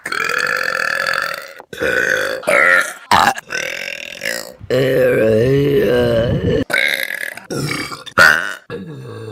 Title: Best Burps From Vine || #34 || June 2016